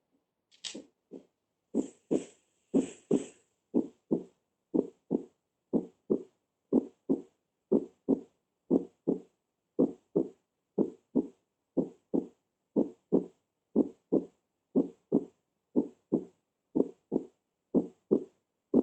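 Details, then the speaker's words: Heart recording of normal heart sounds played in a class: regular paired lub-dub sounds at about 60 beats per minute, a normal rhythm. "entonces los más cercanos a unos ruidos cardíacos normales y así vimos escuchar y así sabemos que si vamos a darle y la sonoridad serie doble doble doble pero y esa sería la sonoridad normal"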